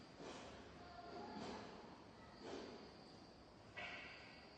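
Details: Giant panda caught sneezing 11 times in a row: soft, breathy snort-like bursts about a second apart, faint against room noise; repeated sneezing.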